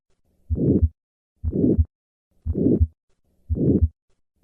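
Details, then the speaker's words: Aortic stenosis: harsh, diamond-shaped, late-peaking systolic murmur, heard best at the second right intercostal space with the stethoscope diaphragm, patient sitting up and leaning forward; demonstration begins with normal beats before the murmur is added. "In summary, aortic stenosis presents with a harsh diamond shaped late peaking murmur heard best at the second right intercostal space with the patient leaning forward."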